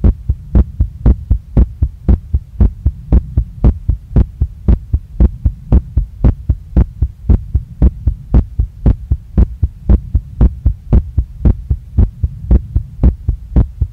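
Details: Fast, strong, regular heartbeat at about 115 beats a minute in a female after a workout. It is felt pounding against her hand and in her chest, neck, face and stomach, with the chest moving each beat. Sinus tachycardia after exercise.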